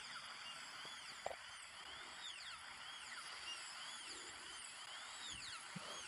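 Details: Simulated dental surgery in an ASMR roleplay, drilling before a filling with a liner and amalgam: steady high-pitched dental drill whine rising and falling in pitch.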